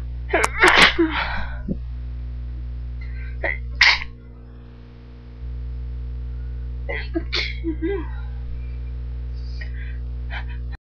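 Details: Violent sneezes: several forceful explosive bursts separated by pauses, half stifled, wet and strong at the end, over steady electrical hum. Sneezing.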